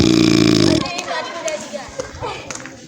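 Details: A loud, low, rumbling belch lasting under a second, then quieter background voices, recorded at an upper primary school where the principal was reportedly filmed sleeping and snoring: a burp.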